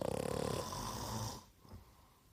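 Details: A single loud, fluttering, rattly snore on the in-breath fades into quiet breathing, recorded as a snoring contest entry.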